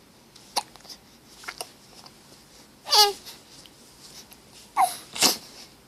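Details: Infant: several short, sharp squeaky catches with faint clicks between, irregularly spaced, in a quiet room; infant hiccups.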